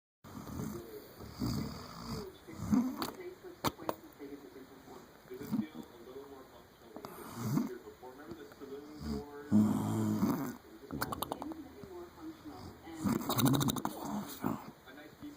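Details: Loud, rough, rattling snores in repeated breath cycles, some with a snorting, whinny-like, horse-like quality; heavy snoring.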